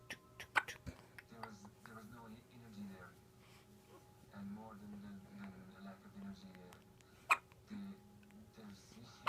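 Sharp, brief catches at irregular intervals from a newborn, under adult voices: hiccups, common and harmless at this age.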